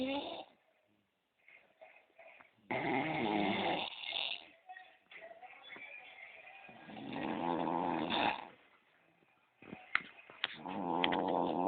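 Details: Heavy snoring while passed out on a couch: loud, rough, rattling snores of a second or two with quiet pauses, soft background voices.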